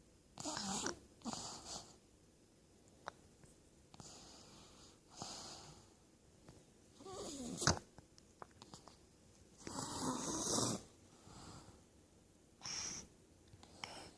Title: Look at my little sister snoring. Following in her fathers footsteps